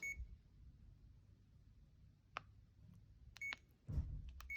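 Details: Short, soft electronic beeps and key presses over quiet room noise as a continuous rate of 1 mg/hour is entered on a CADD ambulatory pump in PCA mode; normal infusion pump keypad beeps.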